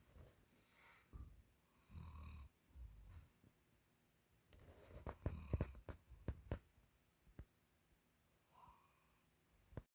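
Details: Sleeping German Shepherd dog snoring deeply: rough, low snores repeating with each breath, with a few soft clicks and snorts in a quiet room.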